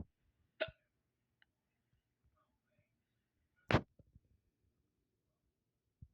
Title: hiccups video 2